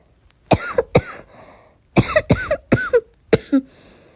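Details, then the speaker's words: Acted, repeated short coughs in clusters of about seven bursts, some with a rough throaty catch, in a role-play of a sick person with sore throat, headache, blocked nose and sneezing. "i can't stop coughing my throat is sore my head hurts and my nose it's so clogged up"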